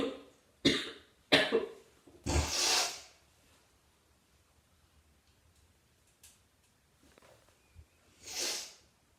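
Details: Two sharp coughs, then a longer, harsher throat-clearing cough, and later a brief breathy nose blow in a quiet room.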